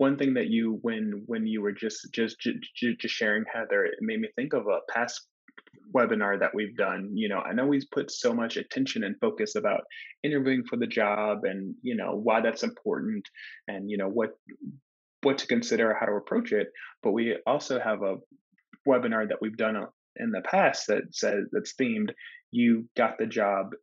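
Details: Stuttering in an adult woman who stutters, co-hosting a webinar on managing stress and anxiety at work for people who stutter.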